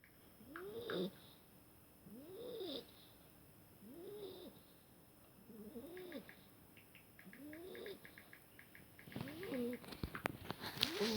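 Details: Beagle puppy snoring: rhythmic, squeaky, whistling snores about every two seconds, roughly 30 a minute, with light clicking in the background; snoring.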